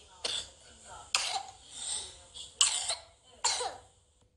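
A child gives four short, harsh, dry coughs with quiet gaps between them, fitting a viral tracheobronchitis cough.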